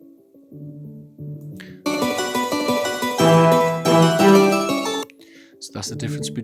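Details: Simulated bilateral, symmetrical, profound high-frequency ski-slope sensorineural hearing loss applied to music, which sounds flat, with some instruments missing and mainly bass sounds heard.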